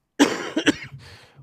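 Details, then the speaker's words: A person recovering from a bacterial infection after swimming in a pool, treated with antibiotics, with a sore throat and hoarse voice, coughs occasionally while still bringing up mucus. Cough. "but I still am every so often and you'll hear me cough a little bit cuz it's still pushing stuff up"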